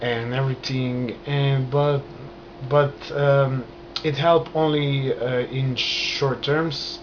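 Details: Adult man stuttering since childhood, onset after a trauma, still present, managed with hand movements and breathing; stuttering.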